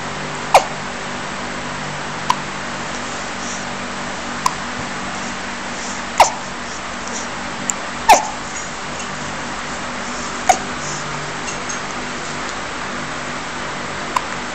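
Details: Infant on a playmat with hiccups: brief, sharp hiccups recurring every couple of seconds in a quiet room, about eight in fifteen seconds.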